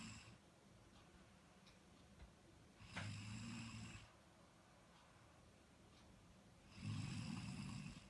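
Two long, low, vibrating snores about four seconds apart, with quiet breathing between; ordinary sleep snoring.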